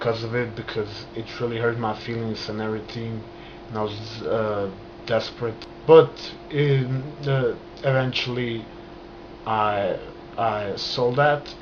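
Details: Adult man stuttering since childhood, onset after a trauma, still present, managed with hand movements and breathing; stuttering.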